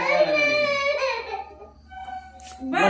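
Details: Baby boy cries loudly and tonally with falling pitch, pauses briefly, then cries again, a pain cry on receiving an injection from a doctor.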